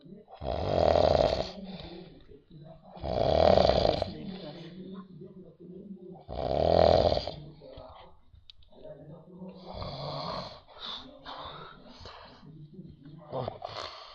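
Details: Adult man (father) snoring during sleep: several loud, rattling snores on inspiration, followed by softer irregular breath noises; snoring.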